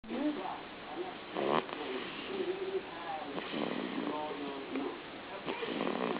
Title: snoring baby